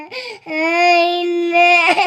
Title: Baby crying 😭😭, #bachpankahan #cutebaby #funny